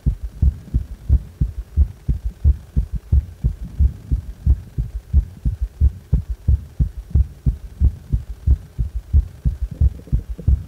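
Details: Heart sounds with a prominent third sound: regular low-pitched heartbeat about 90 per minute with a strong extra low sound early after the second sound; third heart sound (S3 gallop).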